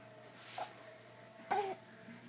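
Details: Young boy learning to walk: two short, voiced fussing cries in a quiet room, an ordinary brief infant cry.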